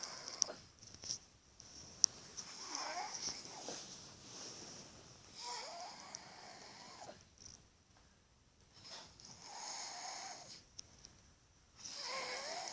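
Repeated whistling, wheezy snores with each breath, some with a rising squeak, over a quiet room background.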